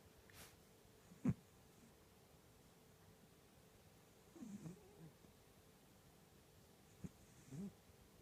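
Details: Sleeping cat snoring violently: short, low, rough snorting snores about every three seconds, with quiet room noise between breaths.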